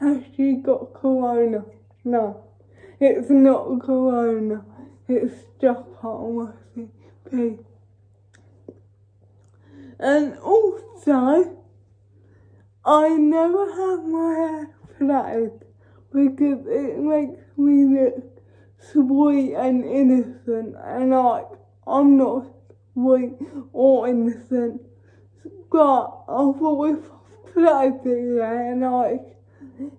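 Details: Real female adult with cerebral palsy, feeding herself with a Neater Eater feeding device for the first time without help; no specific speech disorder is named: dysarthric speech in cerebral palsy.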